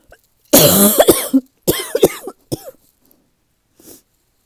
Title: #15 - the weather change has given me a bit of a cough